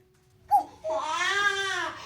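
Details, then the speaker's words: Young infant's evening (twilight) crying around 4 PM, not settling; brief whimper then sustained high-pitched wailing in a small room; parent wonders if she's hungry. "Why won’t she stop crying? Maybe she’s hungry I decide to give her milk"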